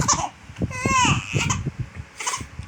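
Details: Three-week-old baby girl who had just fed, with a parent saying she seems hungry again: short rising and falling cries between fussing sounds; an ordinary infant hunger cry.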